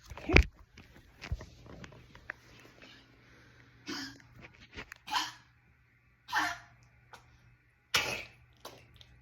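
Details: Dog, Paco, in a coughing fit: a run of harsh, forceful coughs spaced a second or so apart, owner comforting him afterward.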